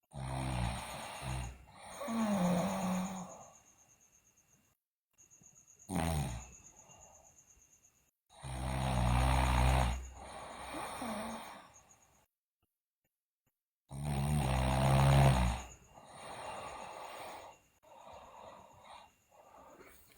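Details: Sleeping girl snoring loudly: rattling, low snores about every few seconds on the in-breath, with a steady background hum; snoring.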